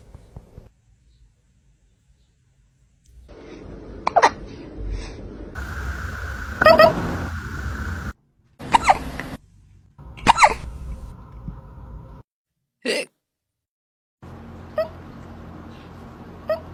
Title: FUNNY Kitten Hiccups That Will Make You Laugh!#ytshorts #cat #viralshorts #trendingshorts #usashorts